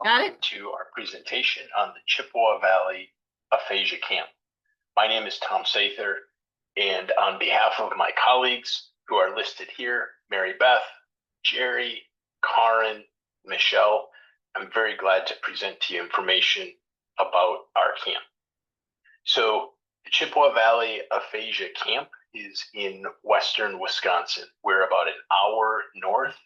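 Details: Adult male speaker; normal speech.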